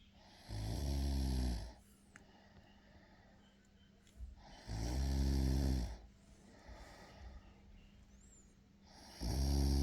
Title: snoring boy😁😁😁